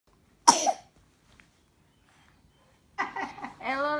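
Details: 6-month-old baby, ill for the first time with cough, runny nose and fever: a single short cough followed after a pause by fussing vocal sounds; cough.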